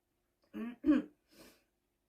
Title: Seasonal Smokers Cough 2